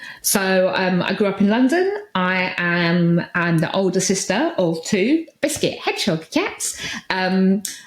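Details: Adult woman speaking; Vocal tics (Tourette syndrome).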